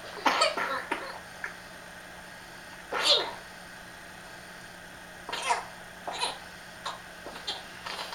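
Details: Young girl's nocturnal coughing fit, recorded for her doctor: about ten short, dry-sounding cough bursts at irregular intervals over eight seconds, one of her nightly coughing fits.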